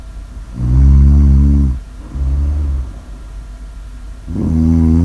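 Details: Heavy snoring: loud, deep, rumbling snores in long drawn-out pulls, three in five seconds.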